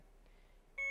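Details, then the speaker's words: Quiet room, then a steady high electronic alarm tone from a BD Alaris 8110 syringe pump module in a training demo, the infusion deliberately run to completion (rate raised, volume to be infused 0.1); infusion complete alarm. "this is an alarm red. The infusion is complete. You can press silence."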